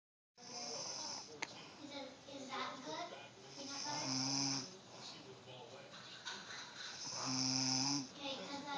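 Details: Nana (grandmother) snoring in sleep: slow, irregular breaths with buzzing, humming snore tones over steady room noise.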